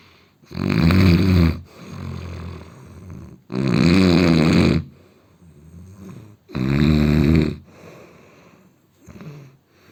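Loud, rough, low snores on each breath in, with quieter breaths out between, about 20 breaths a minute.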